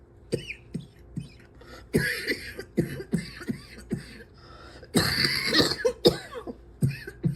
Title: #75 - can’t breathe without coughing up my lungs